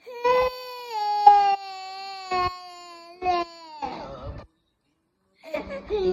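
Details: A young child cries in short, sobbing wails while upset that a tiger will eat a character in a video on an iPad, with a brief whimpering break and softer adult voices near the end.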